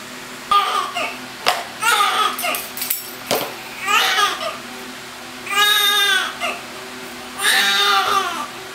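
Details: Newborn boy on the day of birth, 9 lbs and 21 inches, crying as soon as he came out; loud, strong cries in repeated bursts with brief pauses for breath, vigorous healthy cry: newborn cry.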